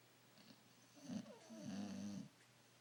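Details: Bulldog snoring during an afternoon nap: a single soft snore, a short snort followed by a longer, droning, fluttering breath.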